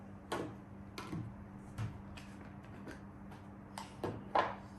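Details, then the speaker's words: Irregular soft clicks and squeaks of a hand-operated manual breast pump being squeezed, demonstrated by a mother, over steady room hum; manual breast pump operation. "இதுதான் இது வந்து கையால் நாம் இந்த மாதிரி pump பண்ண வேண்டியதாக இருக்கும்."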